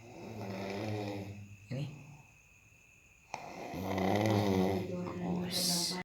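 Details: Loud, rumbling snores on breaths in, with quiet pauses between and faint room noise; snoring.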